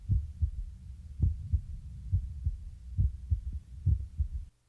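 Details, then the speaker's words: Apical pulse heard with a stethoscope diaphragm about 2 inches below the left nipple, toward the chest centre: steady, regular lub-dub heart sounds at about 68 beats a minute, normal. "Each lub-dub sound is one beat. Listen for the rhythm of the beat. Is it regular?"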